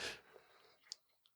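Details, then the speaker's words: A single sharp, hissing burst from a dog named Scooby during a sneeze attack, followed by faint clicks in a quiet room; sneezing. ">> I don't know if you hear that guys that Scooby's sneezing like a maniac. I have Scooby sitting next to me and he had a little sneeze attack."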